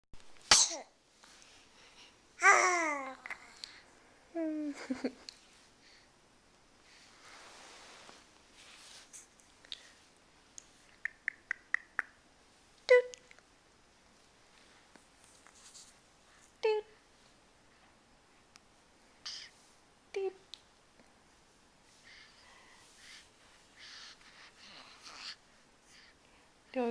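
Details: Infant's quick, sharp sneeze followed by soft coos, squeals and babbling in a quiet room, recorded Aug 03 2009; sneeze.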